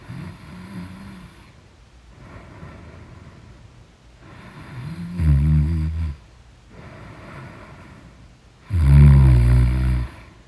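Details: A person in deep sleep snoring loudly: rough snores alternating with quieter breaths, about 16 breaths a minute.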